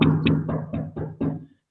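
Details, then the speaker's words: Chest percussion demonstration: six quick taps giving short, flat, woody thuds that die away fast, slightly resonant, contrasted with hyperresonance; dullness to percussion, as in pleural fluid effusion. "Maintenant, la matité. Voilà la matité. La matité, c'est du bois. Comme si vous tapez."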